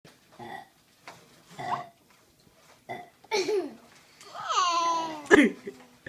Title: Baby laughing when sister burps